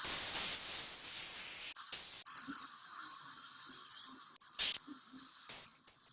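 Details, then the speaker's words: Dental drill cutting through the stripped head of an implant crown screw via the access channel to remove the crown; high-pitched whine rising and falling. "what i told them you got to go through the channel drill the head of the screw as soon as you drill the head of the screw and then your crown will come off"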